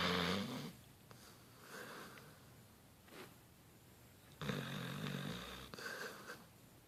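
A sleeping dog snores with rough, rattling breaths, about four in seven seconds, in a quiet room.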